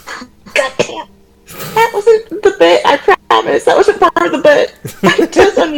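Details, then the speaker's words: An adult man with a really bad current cough gives a few harsh coughing bursts, then loud voiced sounds and talking, in a small room. "I have a really bad cough right now. So Yeah, I'm sorry if I sound like I'm dying at any given time."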